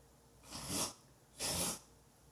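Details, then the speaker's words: Two harsh, noisy snorting bursts pulled in through the nose: a dog's reverse sneeze in the background. "Sorry, that was my dog. Backward sneezing."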